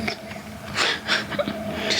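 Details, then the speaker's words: Newborn boy under one day old in the hospital, fussy for the first time that day and thought to be gassy after passing gas. Short high-pitched whimpers and fussy cries with faint background music. Newborn fussing. "he just got fussy he hadn't been fussy all day i think he was gassy"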